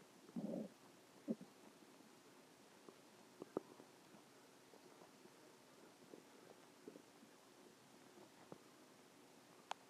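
A brief low gurgling rumble at the start, then faint scattered clicks and gurgles in a quiet room: stomach growling.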